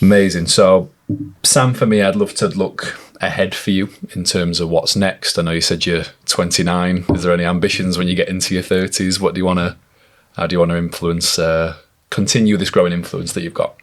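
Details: Adult man; typical speech.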